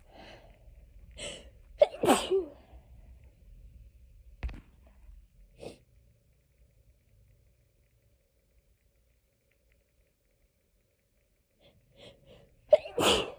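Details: Hay fever sneezing fit, looped edit: a short run of sharp sneezes with quiet gaps, then one more sneeze after a pause.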